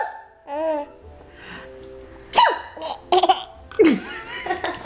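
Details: A single adult sneeze, followed by a baby laughing at it.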